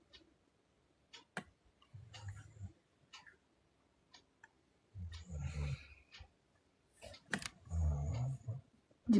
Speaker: حد سامع الشخير اسمع كده اسمع كده في صوت شخير سامعين صوت الشخير ولا مش سامعين